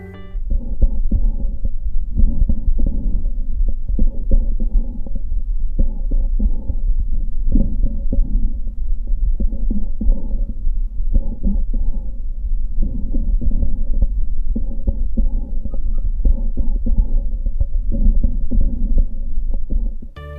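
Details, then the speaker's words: Whispered pectoriloquy, transmission of whispered voice, heard over the chest in consolidation or atelectasis: muffled whispered syllables come through clearly. "La pectoraloquia áfona es la transmisión de la voz cuchicheada."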